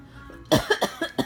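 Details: A child's bad coughing bout: a rapid run of five short, harsh coughs in quick succession, back and forth, in a quiet room.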